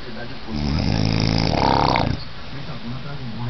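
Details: Sleeping person snoring heavily: one long, loud, rattling snore on the in-breath, with room noise around it; snoring.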